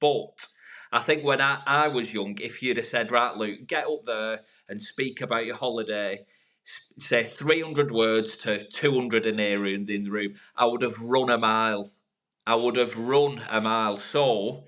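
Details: Adult man from the UK who has stuttered for over 30 years, improved over about 3 years of therapy over Skype since COVID and public speaking groups, now no longer a big issue; stuttering.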